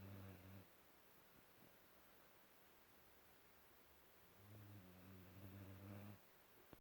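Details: Snoring in a sleeping 5-month-old Cane Corso puppy: two low, droning snores separated by a quiet pause while breathing in, in a quiet room.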